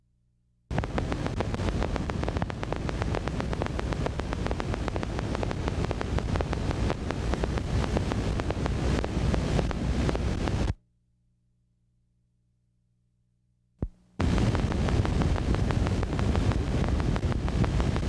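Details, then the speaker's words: Rapid crisp clicking like raindrops on a tin roof from needle EMG: fibrillation potentials of denervated muscle. Many fibrillations firing together sound irregular. "Another important point to remember is that though each single fibrillation fires at a regular rate, many fibrillations firing at the same time sound like irregular firing because their firing rates are different. Watch and listen to fibrillations."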